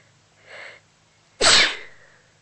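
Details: Amateur single sneeze: a soft in-breath, then one sharp explosive sneeze that fades out.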